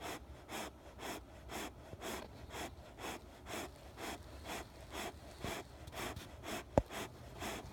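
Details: Rapid, rhythmic snuffly breaths, roughly two a second, raspy, with a brief click near the end, during sleep described as snoring; noisy fast breathing.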